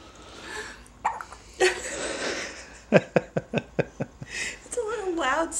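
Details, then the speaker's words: Infant's first hiccups: a run of sharp, regularly spaced little gulps, with soft breathing and a brief fussy sound. "how do you stop hiccups in a little kid from what I read about them you don't that they're actually not as bothersome in babies as they are in people and that they don't really hardly notice them and you should just let them stop on their own"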